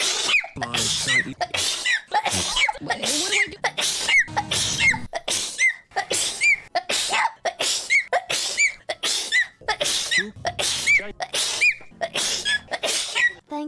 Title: I collected sneezes for 2 months